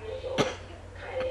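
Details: A single short, forced cough from a child, put on deliberately to convince his mother he needs a cough candy; feigned cough.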